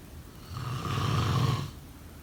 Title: Snoring sound… #2